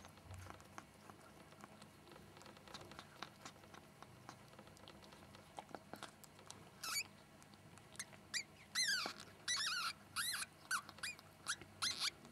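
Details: Ferret giving birth to a litter of sable kits; the first newborn kit (blind, hairless, about 10 g) cries as the mother cleans it: soft rustling, then quick bursts of high, thin squeaks, newborn ferret kit vocalizations.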